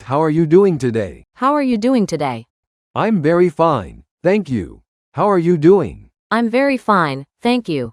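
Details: Acted example of mixed transcortical aphasia, usually from a large left-hemisphere lesion isolating language areas; echolalia, repeating words just spoken by another person, without spontaneous speech or comprehension.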